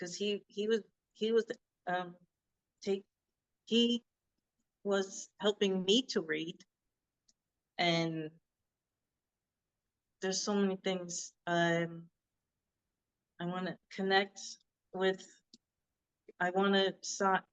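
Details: Adult woman who had a hemorrhagic stroke in 2018 and could not talk for 2 years. She was first diagnosed with Broca's aphasia, and her speech still worsens after recurring seizures. Broca's (non-fluent) aphasia.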